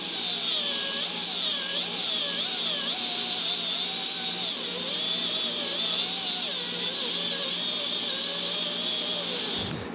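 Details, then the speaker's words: High-speed dental drill cutting a shoulder cervical margin on the buccal surface of a tooth preparation, bur held near parallel to the long axis, in a teaching demonstration: continuous high-pitched whine that dips in pitch while cutting. "Então vocês conseguem ver que a broca ela penetrou quase toda, aí na imagem dá para perceber."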